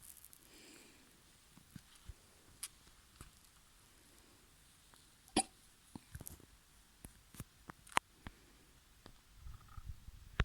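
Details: Quiet room with scattered brief sharp clicks and catches, one louder mid-clip, irregular; hiccups.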